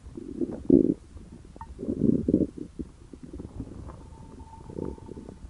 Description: And The Like Good Stomach Gurgle, This My Hungriness Good.